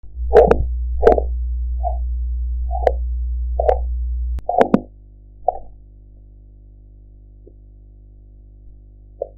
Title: Blood pressure practice #7 (Korotkoff sounds)